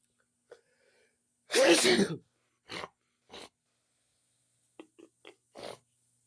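One loud sneeze followed by several short nasal sniffs. Sneeze with sniffing.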